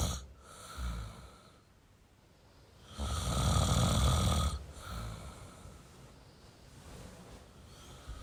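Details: Male snoring: low rumbling noise on breathing in, one loud drawn-out snore among quieter breaths.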